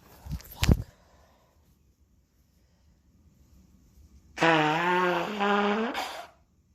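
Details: Sharp sneeze burst, then a drawn-out voiced sound after a pause; sneezing on day 5 of a head cold spreading to the throat.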